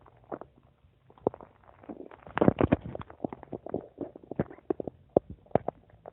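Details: Irregular gurgles, pops and short bubbling rumbles from the speaker's own stomach in a quiet room: normal digestive sounds, borborygmi.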